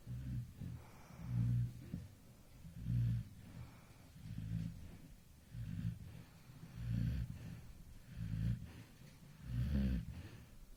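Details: Sleeping baby at 2 a.m. snoring softly and rhythmically, about 40 low rumbling breaths a minute; snoring.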